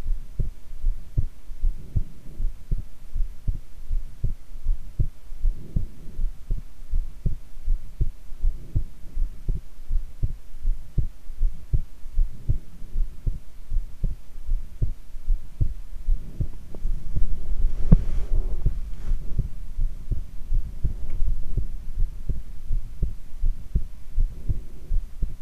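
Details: Heart sounds recorded while lying prone: regular low heart thumps at about 79 beats a minute, with a steady hum and brief rustling: normal heart sounds.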